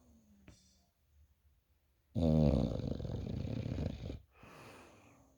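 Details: A Bully dog sleeping on the bed gives a long, low, rattling snore on the in-breath, followed by a softer out-breath; snoring.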